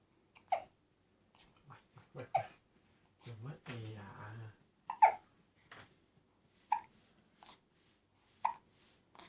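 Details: Burping and hiccups: sharp, abrupt catches recur every one to two seconds, about five clear ones, with one long low burp midway; hiccups.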